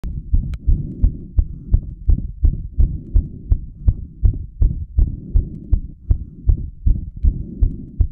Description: I did squats until my heart rate hit 180 bpm, then recorded this video straight afterwards. My apex was punching so far out of my chest: I was surprised myself by how prominent it was. You can hear my heart murmuring away, and see my carotid pulse too.